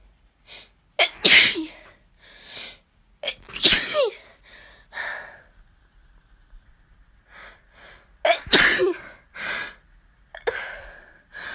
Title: Sneezing fit